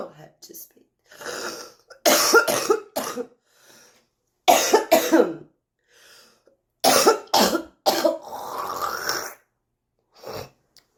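Repeated harsh, rough coughs in irregular clusters with throat clearing and a raspy drawn breath; a chronic smoker's cough.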